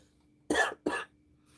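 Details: A coughing fit from an adult.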